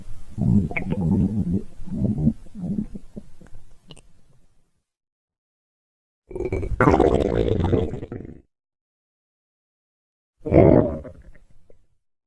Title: Stomach Growls 2